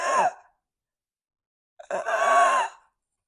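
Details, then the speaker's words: Nurse imitating stridor as it occurs in adult patients, a medical emergency; two harsh, high-pitched, strained breath noises with a musical tone from a narrowed upper airway: stridor (imitated). "it's time for your nursing tip of the week and in this week's tip we are talking about Strider did you like my little example of Strider Strider is a scary thing for the patient as well as the hospital staff because it is considered a medical emergency"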